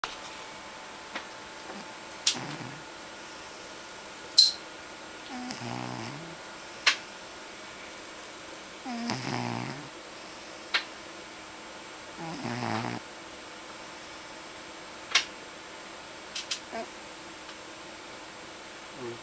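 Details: A pet cat snoring while asleep: short, soft snores every three to four seconds over faint room noise and occasional clicks.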